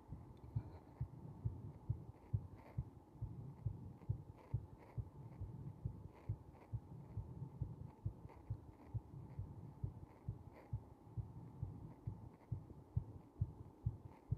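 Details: Slightly slow heartbeat recorded during compression: regular, muffled low thumps at an unhurried rate, with a faint steady hum behind.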